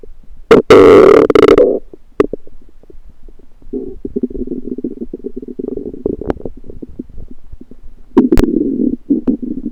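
Gurgling, bubbling rumbles in bursts with a long rolling gurgle, typical of ordinary stomach and bowel rumbling.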